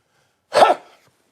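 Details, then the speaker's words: Adult's single short, rough, harsh cough or throat-clearing burst, then quiet. "excuse me while i have a bit of a manly cough i clear my throat this sounds a bit rough one moment please"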